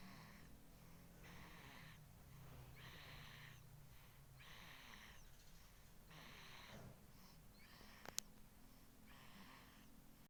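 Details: A sleeping baby girl breathes with soft, regular snores, about seven in ten seconds, over a low steady background hum: ordinary infant snoring during sleep.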